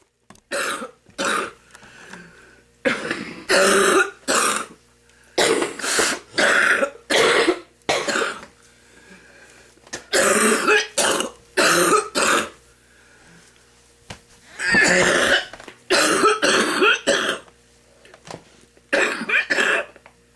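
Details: Repeated harsh, wet coughs and throat clearing in clusters from an elderly grandmother who smokes, clearing mucus from her lungs before her first cigarette; productive cough.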